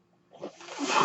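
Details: Mechanical ventilator that a podcaster says is his own, audible during his recording: a quiet pause gives way to a rising airy whoosh of inflow as a breath is delivered, one breath cycle.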